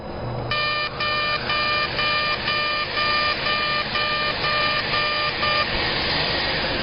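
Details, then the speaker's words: CO2 laser resurfacing of thinner skin, a single pass at 80 millijoules and density six, no debriding between passes: regular pulsed beeps, about two a second, over a constant suction hiss, then stopping. "foreign skin is thinner so we're going to do a single pass here of 80 and 6."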